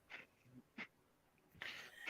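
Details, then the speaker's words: Short, hissing breaths with a thin whistling edge, suggesting wheezing from narrowed airways in an adult who says heavy smoking during the conversation is making them wheeze badly. "I've been smoking so much I'm wheezing real bad"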